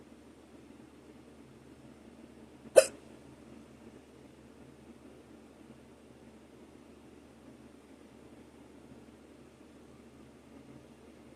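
A single sharp, brief hiccup against a low steady room hum; otherwise quiet.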